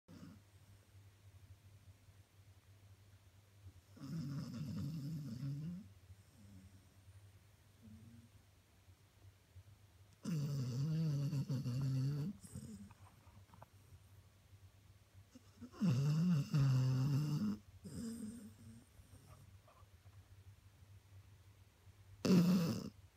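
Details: A sleeping spaniel gives about four slow, loud, rattling snores, separated by quiet pauses where it seems to stop breathing; snoring.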